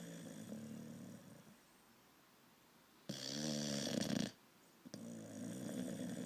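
Loud, rough, fluttering snores with brief silent pauses, typical of a flat-faced dog's noisy sleep breathing.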